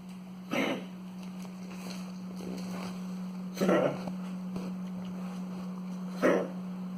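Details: An 8-month-old pug gives three short, harsh cough-like bursts a few seconds apart; the cough began last night, and he eats and drinks normally but has a dry nose. The owner is worried.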